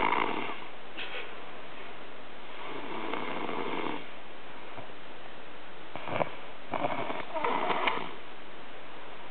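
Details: Person snoring, recorded in 2009 at a distance in a quiet room: rough, rattling snores with noisy inhaled and exhaled bursts in an irregular rhythm; ordinary snoring.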